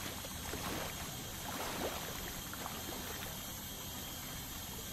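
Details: Dental scaling to remove tartar: steady hiss of water spray with faint high whine and scraping; ultrasonic dental scaler with water spray.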